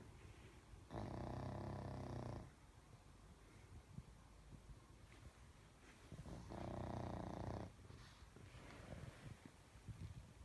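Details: Sleeping pug snoring: two loud, rough, rumbling snores about five seconds apart, each lasting one to two seconds, with quieter breathing between.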